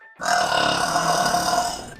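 One long, loud, rumbling belch lasting over a second and a half; an ordinary burp.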